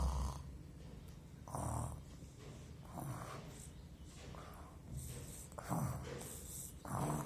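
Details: Child acting out snoring, simulated: repeated rough, rumbling breath sounds, about six in seven seconds, with a hissing out-breath.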